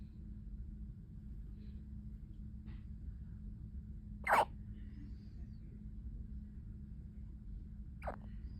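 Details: Newborn, tagged preemie at 36 weeks: two brief sharp catches a few seconds apart over steady low background noise. Newborn hiccups.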